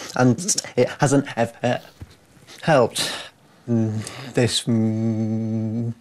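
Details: Man with a severe lifelong stammer, speaking; stuttering.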